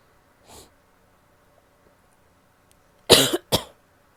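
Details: Female: a soft throaty huff, then two sharp, dry coughs in quick succession; cough.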